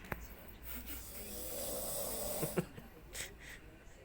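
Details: Person asleep in a hotel room: a rough, rattling snore during one breath, with quiet room noise around it; snoring.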